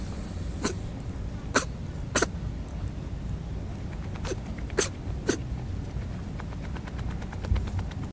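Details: Six brief, sharp sneeze bursts in about eight seconds from a rabbit that can't stop sneezing, in a quiet setting. Repeated sneezing.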